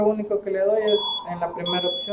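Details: A high, steady alarm tone sounds twice over a person talking during a training session on the ZOLL EMV+ mechanical ventilator. It is a ventilator alarm because no working ventilation mode has been assigned.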